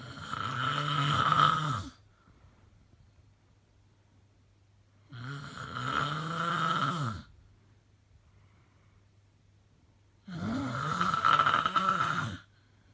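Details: Really bad snoring: loud, rasping snores about two seconds long, repeating roughly every five seconds (about 12 a minute), with quiet pauses between.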